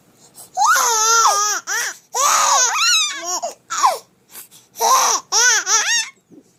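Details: Twin babies startled by their father's snoring: loud, high-pitched wailing cries in repeated bursts with short gasping pauses; infant crying.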